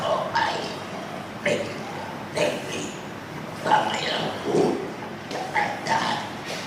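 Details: Thai speaker after total laryngectomy (whole larynx removed) practising forming words once the 'a' sound is achieved; esophageal speech after total laryngectomy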